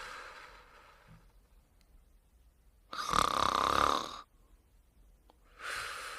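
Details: Loud, harsh snoring about every three seconds during sleep, with quiet pauses between; snoring.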